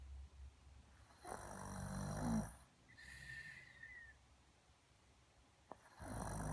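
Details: Snoring likened to a cartoon bear: a low rattling snore on inhalation followed by a soft whistling exhale, repeating during sleep in a quiet room.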